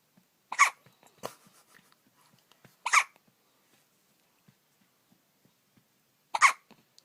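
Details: Nine-day-old puppy: three brief sharp hic-like bursts a few seconds apart, with faint small breathing sounds between; hiccups.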